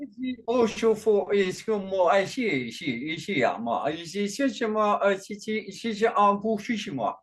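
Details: Adult male with functional neurological disorder and foreign accent syndrome, during a bout of gibberish speech; the accent has changed between types (today described as Chinese) since onset around 2019 alongside non-epileptic seizures, and is more jumbled with strong emotions.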